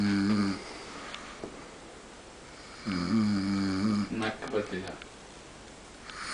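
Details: Long, droning snores of about a second each with gaps between, from a man sleeping at night in London, with brief background voices; snoring.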